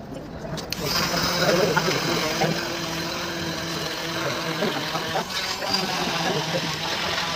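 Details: Cast saw removing a plaster cast 28 days after an ankle fracture from an accident: steady buzzing motor whine with a grinding edge as the oscillating blade cuts through plaster.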